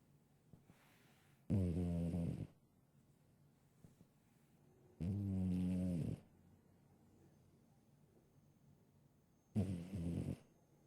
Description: Boy The Cat has always snored from when I first adopted him from the shelter